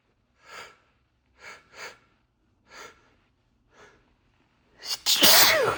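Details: Adult sneezing fit induced by sneezing powder, first-ever use, described as different from usual fits: several quick, quiet inward gasps build to one loud, explosive sneeze.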